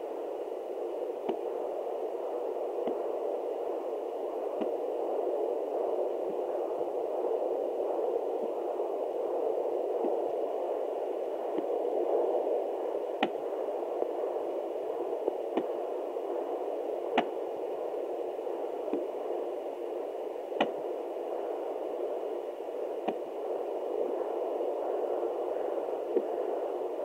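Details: Fetal hiccups at 29 weeks of pregnancy, which the mother had felt: sharp regular clicks about every two seconds over a steady whooshing hiss.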